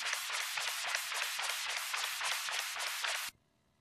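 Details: 11-week-old puppy (dog) with mitral dysplasia; Doppler heart flow sound: rapid, rough, whooshing pulsed flow at about 220 a minute, ending abruptly.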